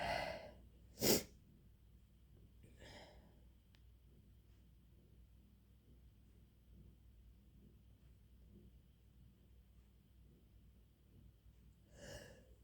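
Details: A sharp sneeze burst with quieter breathy sneeze-like exhalations before and after in a quiet room; induced, repeated sneezing.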